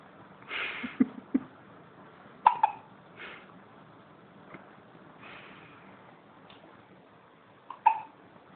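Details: A dog hiccups in sharp, abrupt little clicks, some in quick pairs, in a quiet room: hiccups.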